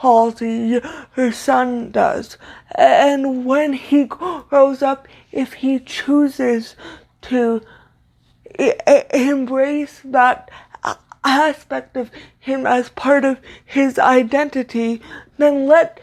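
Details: Dysfluent speech (stutter) in an adult woman with cerebral palsy, a neuromuscular disorder she says affects motor control including speech; her stutter worsens when reading aloud; here spontaneous speech.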